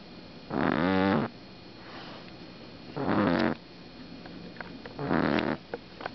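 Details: 6-week-old black pug puppy napping tucked behind a purse: three loud, rattling, buzzing snores about 26 a minute separated by quiet breathing.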